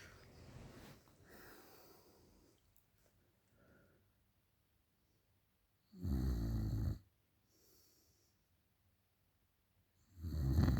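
Deep, rattling low snores between quiet pauses, with softer breathing in between; ordinary snoring.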